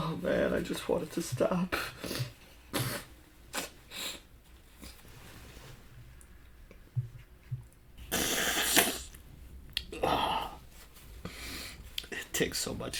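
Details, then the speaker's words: Man with increasingly big, powerful sneezes and a tickle felt through his whole body: breathy hitching build-up, then a loud, sharp sneeze burst followed by a second forceful burst in a small room. "oh god i don't know why but lately my sneezes have gotten just bigger more powerful i can't i can't stop oh lord it tickles it's not just in my nose it's like i feel it in my whole body"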